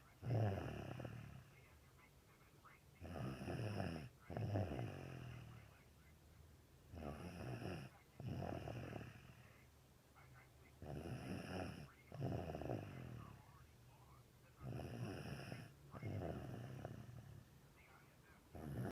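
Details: 3-year-old girl asleep, with a cold the previous week making her nose loud: low rattling snores about 15 breaths a minute, separated by quieter pauses; snoring.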